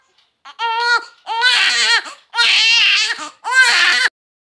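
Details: Four loud, strong, clear-pitched first cries from a healthy newborn baby girl in a quiet room; a vigorous first cry, normal for a healthy baby.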